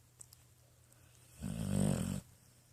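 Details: 10-year-old female pit bull asleep and dreaming in her bed: one loud, low, fluttering snore about a second long in a quiet room; ordinary snoring.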